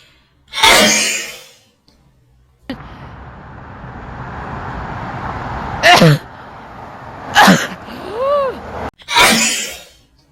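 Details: Two forceful ordinary sneezes during a live stream, one at the start and one at the end, with indistinct vocal sounds and room noise between them.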